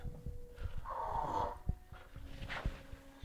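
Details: 18-year-old cat asleep in an odd position on a couch: snoring.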